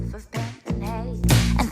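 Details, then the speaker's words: Simulated mild conductive hearing loss: a brief snatch of sung pop music, slightly dull and quieter. "If you have a mild conductive loss, this is how you hear it."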